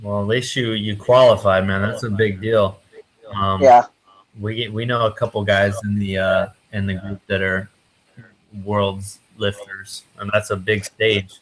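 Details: Adult man speaking; typical speech.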